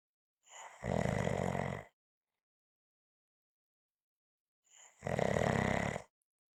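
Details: Two loud, rough, rattling snores on breathing in, separated by a long silent pause; snoring.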